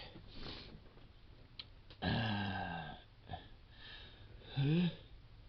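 Two deep, voiced belching sounds among quieter breaths and sniffs: burping.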